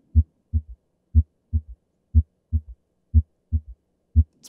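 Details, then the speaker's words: Normal heart sounds on a Harvey cardiopulmonary simulator mannequin in a medical school sim lab: regular, crisp lub-dub at about 60 beats a minute with no murmur. "so for right now let's just listen to what a normal blood flow and listening to these heart sounds are going to sound like"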